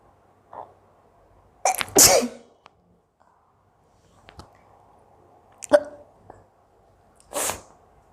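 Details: Repeated sneezing from an Indian woman during a requested 10-minute hiccups and sneezing challenge: about four separate sneezes over eight seconds with quiet room noise between them.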